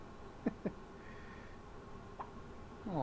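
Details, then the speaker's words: Boy (Derek) with hiccups: three brief, abrupt voiced gulps in a quiet room, two close together then one more. "He's got hiccups. Keep going. Oh, there goes the hiccups."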